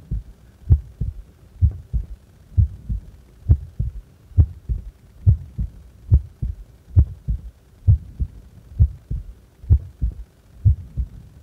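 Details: Resting heart, doing nothing: regular low heartbeats at about 66 a minute, each a clear double thump; normal resting heart rhythm.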